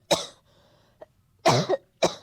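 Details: Three to four short, harsh, dry cough bursts from an adult, acted for a comedy sketch and jokingly called a "dog cough": a plain cough.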